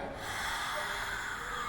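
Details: Aphonia about two months after a cold and fever, before voice therapy; patient attempts a loud vowel 'aa' on prompt, producing only breathy, voiceless sound.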